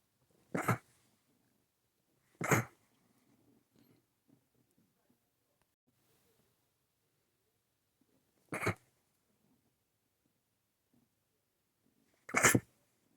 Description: a random sneeze fit lol. That last one took so long to come out